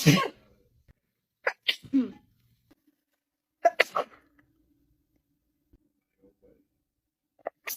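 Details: Female sneezing: several sharp, explosive sneezes separated by quiet gaps in a quiet room.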